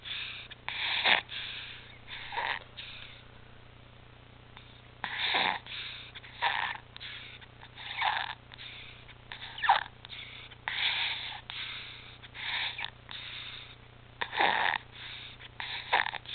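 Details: Stridor in an infant with returned apnea, stridor and retractions, back on apnea and pulse oximetry monitors: repeated harsh, snorting noisy breaths from a narrowed upper airway.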